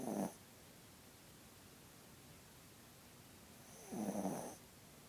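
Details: Sleeping dog snoring: two low, rumbling snores about four seconds apart with quiet between them; ordinary snoring.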